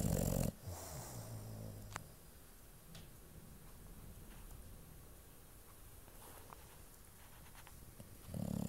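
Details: Sleeping dog in a small quiet room: loud, rough, low-pitched snores with a quieter breathing stretch between them. Finding: snoring.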